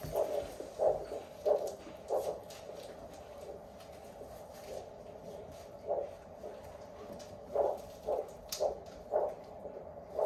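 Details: Doppler test of a pedal arterial pulse during application of a tourniquet, performed with a paramedic while testing tourniquets; Doppler arterial pulse.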